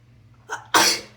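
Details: Induced sneeze: a short in-breath followed by one loud, explosive sneeze in a quiet room; sneeze.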